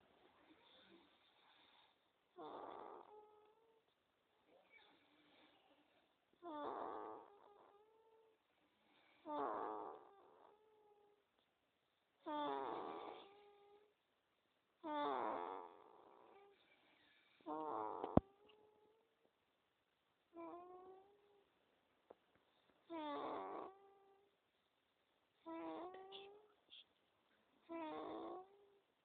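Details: A sleeping 2-month-old baby boy snoring rhythmically, with slightly tonal sounds about 23 per minute in a quiet room.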